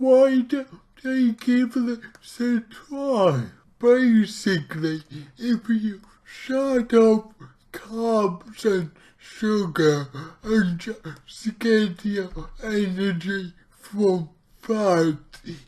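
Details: Dysarthria from his own cerebral palsy, recorded while trying a keto diet; heavily distorted speech.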